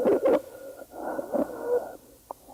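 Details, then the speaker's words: Stridor demonstrated by physical therapy students: steady high-pitched monophonic musical tone through the breath, audible without a stethoscope, from upper airway obstruction. "the third sound is Strider also known as snoring or crew this is another musical sound though this time it's monophonic and can even be heard without a stethoscope this is caused by an upper airway obstruction"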